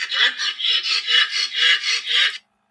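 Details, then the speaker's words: Pug with brachycephalic obstructive airway syndrome and laryngeal collapse: harsh, raspy, rapid noisy breathing with a grating rattle on each breath, from upper airway obstruction. "And then this is when your whole thing is collapsing here and the cuniculate part of the arytenoid is also collapsing. And this is what they sound like. And this is a pug."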